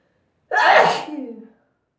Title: Sneezing Induced By Dust...